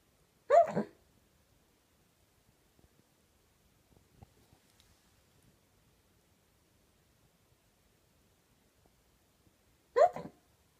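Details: Woman falling asleep while hiccuping: two abrupt, brief gulping catches of breath about nine seconds apart in a quiet room; hiccups.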